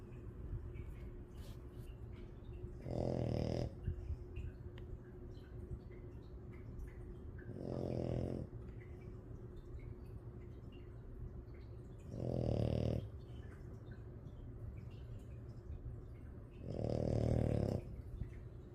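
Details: French bulldog sleeping with eyes open and snoring: four loud, rough snoring breaths about every 4.7 seconds, roughly 13 a minute, over steady room hum.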